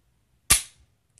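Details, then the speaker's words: Dexcom G6 continuous glucose monitor sensor applied to the arm: one sharp, loud click as the button is pressed, the applicator fires and the needle automatically retracts; a little bleeding followed. "Did you hear that? That was the click."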